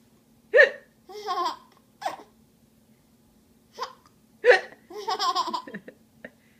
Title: hiccup and giggles 1